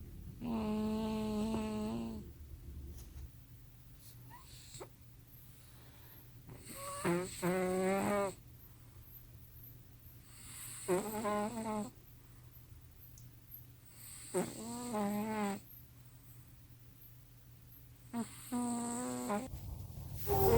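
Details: Very loud snoring: five long, whistling, wheezy snores about every four seconds, roughly 15 a minute, in a quiet room; snoring in sleep.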